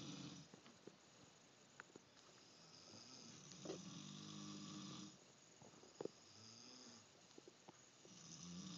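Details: Snoring: regular rattling snores on each breath in, with quiet pauses between them and faint room noise.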